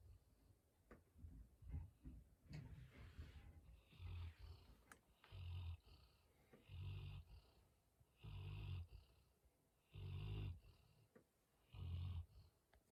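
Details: Chocolate Labrador retriever trying to sleep in his basket late at night: deep, rumbling snores about one every four seconds with quiet breathing between; snoring.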